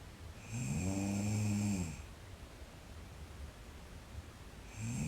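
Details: Sleeping girl snoring: a rough, droning snore on the in-breath, about 1.5 seconds long, with the next starting about four seconds later; ordinary snoring.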